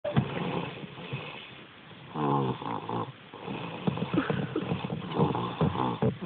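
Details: Three-year-old girl snoring during sleep: rough, vibrating snoring sounds with each breath, faint background noise.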